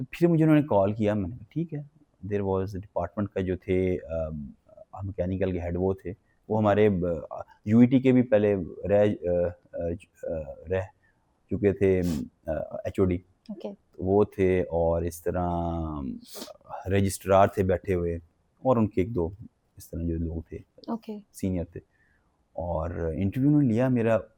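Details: Adult man with developmental stuttering since childhood, describing blocks where words choke and will not come out, and repetitions.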